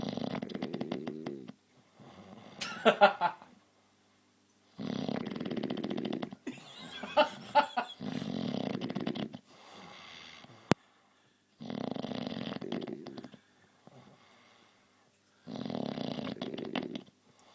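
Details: Loud snoring likened to a motorbike: rattling, engine-like snores in long bursts, about five over seventeen seconds, with quieter breaths and silent pauses between.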